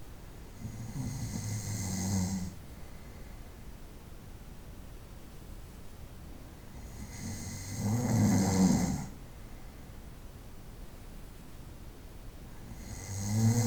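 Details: Night-time snoring recorded over about 25 minutes: loud, low rattling snores about every six seconds, roughly ten breaths a minute, with quiet pauses between.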